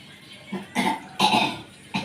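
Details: Three or four short, harsh cough bursts in quick succession indoors; cough attributed to a lung nerve ("saraf paru") problem.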